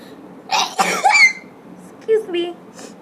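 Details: Student studying: a short burst of two or three coughs followed by a throat-clearing sound, in a quiet room; cough.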